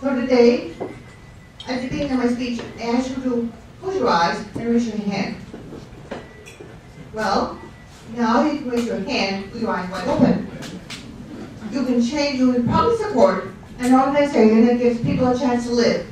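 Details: Ataxic dysarthria in a guest speaker who refers to a stroke, speaking at a fundraiser for a non-profit serving people with neurological conditions.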